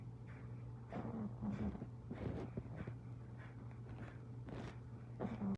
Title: 60 seconds of cute snoring pug